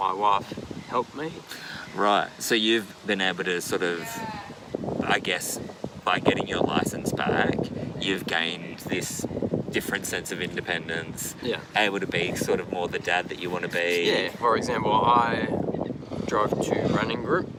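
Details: Two adult men in conversation; conversational speech.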